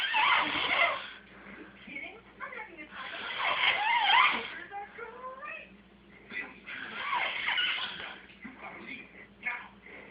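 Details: Snoring: rough, rattling breath noises in repeated cycles, about 18 a minute, in a small room.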